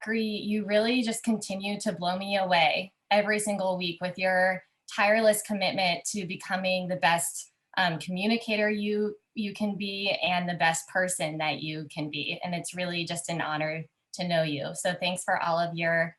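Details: Adult woman speaking; normal speech.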